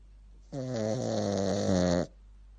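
A single drawn-out, buzzing, voiced snore of about a second and a half from a small dog, set against quiet.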